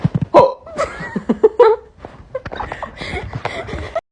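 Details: French-speaking person with hiccups, said to recur about every 10 seconds: short abrupt catches of breath over laughter and chatter, roughly every second; hiccups.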